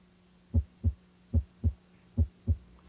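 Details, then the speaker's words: Regular lub-dub heartbeat at about 73 beats a minute, stethoscope at the apex during a head-to-toe cardiovascular assessment, with a clear S1 from mitral and tricuspid closure at the start of ventricular systole; normal heart sounds. "It corresponds to mitral and tricuspid valve closure at the start of ventricular cy. It should coincide with the corateed pulse."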